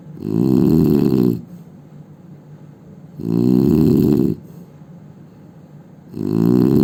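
Loud, vibrating snores on each breath in, about 20 a minute, with softer, noisy breathing between them. Heavy snoring.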